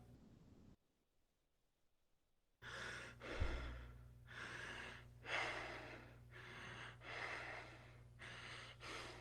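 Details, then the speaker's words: Imitated deep, rapid, loud breathing, maximal inhalation and exhalation at about 30 breaths a minute, a teaching demonstration of the pattern seen in acidotic states: Kussmaul breathing. "it's similar to tachypnea but it differs because it has long tidal waves so it's maximum inhalation followed by maximum exhalation but at a very rapid rate"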